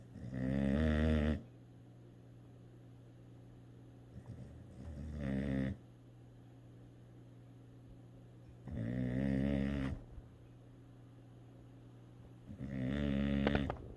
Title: Dog Snoring